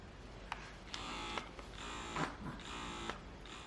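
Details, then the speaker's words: Bellababy wearable electric breast pump running: soft rhythmic mechanical whirring in repeated suction cycles with small clicks; noticeable but quiet, likely heard in a quiet room. "the sound of the pump is noticeable but quiet so you can get away with it in a noisy room if it's a quiet room people are probably gonna hear"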